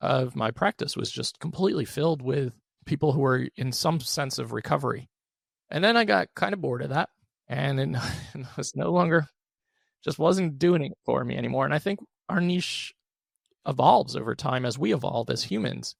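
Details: Adult male with one vocal cord paralysed by open throat surgery for a rare chronic recurring throat condition, after 2021 endoscopic surgery; voice improved, still with vocal fry and tiring daily; unilateral vocal cord paralysis.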